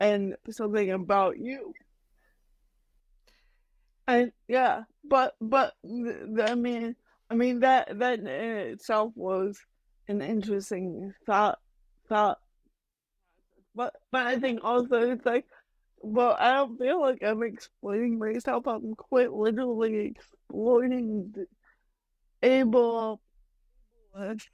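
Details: Adult female comedian with mild cerebral palsy, which she says mainly affects her speech and motor skills, speaking in a podcast interview; mild dysarthria (cerebral palsy).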